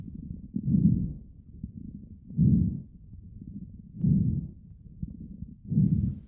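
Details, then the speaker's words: Rapid breaths through a stethoscope with fine popping and crackling through each breath: crackles, played as an example during chest auscultation in a maternity respiratory-assessment teaching resource. "This is what crackles sound like."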